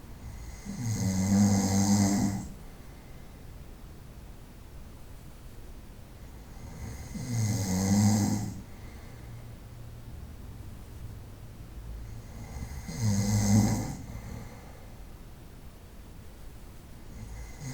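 Three loud, vibrating snores about six seconds apart, roughly ten breaths a minute, with quiet pauses between. Ordinary snoring during sleep.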